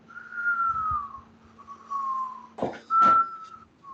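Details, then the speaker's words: Wheeze imitated by whistling in a veterinary pharmacology lecture: high, steady musical tones like air forced through narrowed airways, as in bronchoconstriction, common in bronchitis and asthma. "Então, quando a gente tem quadros de broncoconstrição, a gente costuma ter o sibilo, né?"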